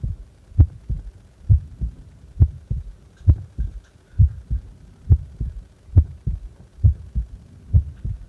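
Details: Normal resting heart sounds, recorded while doing nothing: steady paired low thumps at about 67 beats per minute with faint background hum.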